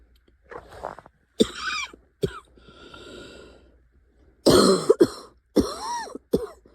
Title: #65 - coughing and coughing…and coughing…